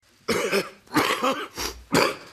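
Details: Adult male federal treasurer's run of four dry, harsh coughs in quick succession during a parliamentary speech, which he attributed to a dry mouth; later tested for COVID-19; coughing fit.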